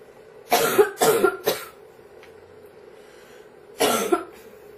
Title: Girl Coughing 401